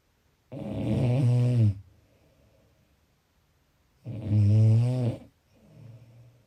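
Two long, loud, buzzing snores on the breath in, each followed by a softer breath out: snoring.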